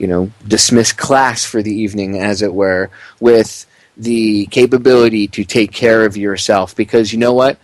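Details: Adult male speaker; normal adult speech.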